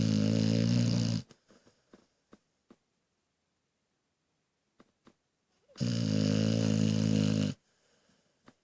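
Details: Snoring.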